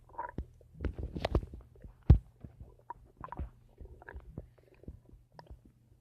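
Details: Person recording their own stomach making noise: borborygmi (bowel sounds).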